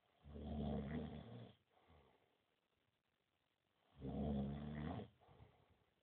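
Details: Sleeping friend snoring, recorded on a mobile phone camera: two loud, rough, low rattling snores on the in-breath, each followed by a quieter out-breath, about four seconds apart.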